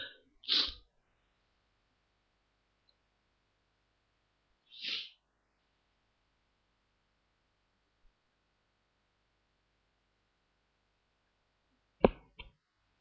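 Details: Three short, hissy, muffled sneezes spaced several seconds apart in a quiet room, made while trying to stifle them, which only partly worked; nose blowing follows at the end.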